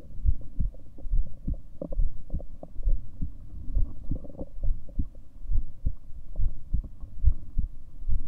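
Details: A person's own self-recorded heartbeat from a 7-minute recording: steady, low, regular thumps at about 68 a minute over a soft hum.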